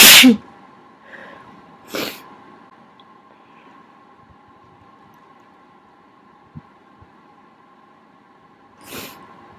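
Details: Person who has just become sick, sinuses congested: a strong sneeze followed by two smaller sneezes over a faint steady hum in a quiet room.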